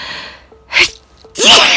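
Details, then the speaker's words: Person who began sneezing about 30 seconds earlier, first sneezing recorded in a long time: a quick sniff then a loud, sharp sneeze burst, faint music fading at start. "this is the first time i've been able to record a video of me sneezing for a long time"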